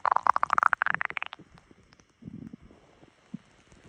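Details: Stomach rumbling (borborygmi) recorded on a phone right after waking in the morning: a rapid run of bubbling, gurgling pops rising in pitch, then softer scattered gurgles.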